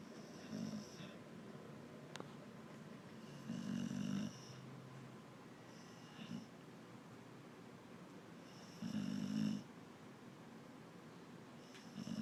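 Loud rattling snores repeating roughly every five seconds, with softer snorts between them and faint room noise; sleep snoring.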